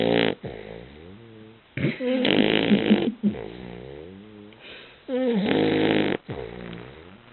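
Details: Sleeping Basset Hound snoring very loudly: rough, rattling snores alternating with softer, tonal breaths; snoring.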